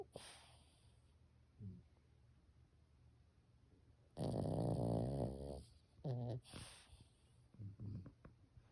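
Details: Sleeping dog snoring: loud, bubbling, rattly wet breaths alternate with drier snorts and grunts.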